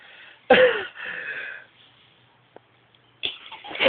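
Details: Child asked by a sibling to cough on camera gives a forced, deliberate cough with a rough breathy tail, then a second burst after a pause: voluntary acted cough.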